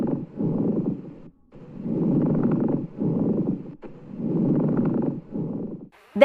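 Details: Rough, dry, grating bursts rise and fall with each breath in and out, played as a lung sound quiz example; pleural friction rub.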